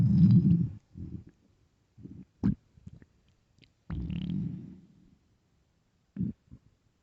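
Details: Loud low rumbling growls and short gurgles from the stomach with silent pauses: ordinary hunger noises (borborygmi) in a starving, hungry person.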